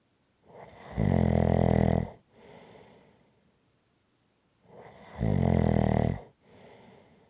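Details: Deep, buzzing snores roughly every four seconds, each followed by a softer out-breath; steady adult sleep snoring.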